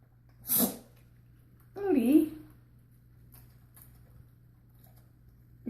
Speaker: got a sneeze attack? You good, buddy?